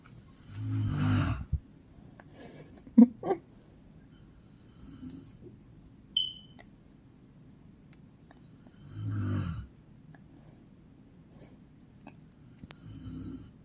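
Loud, rumbling snores on in-breaths, about every eight seconds, with quiet pauses and faint room noise between them.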